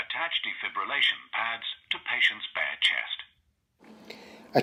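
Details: Synthetic voice prompt from a Zoll AED Pro defibrillator on switch-on in training, directing the rescuer to attach pads to the patient, followed by brief device noise; AED voice prompts.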